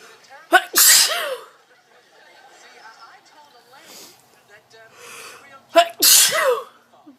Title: Cutest Sneeze Compilation | sneezing cat, dog, baby, girl, bear, parrot, lion, lama, pengu